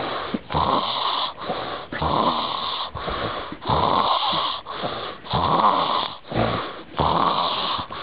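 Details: Loud, rough, rattling snores repeat steadily, roughly one every 1.5 seconds, with brief pauses between; heavy snoring.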